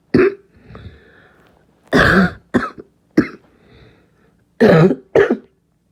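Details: Child gives six harsh, hoarse coughs in clusters: a barking cough.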